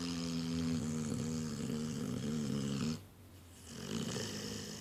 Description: Listen carefully because you can hear only the dog snoring